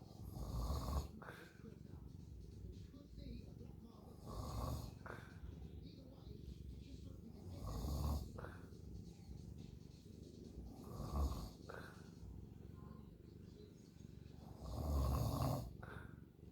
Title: Snowball snoring